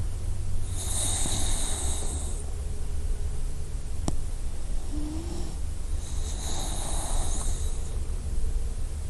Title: Puppy snoring Sound Effect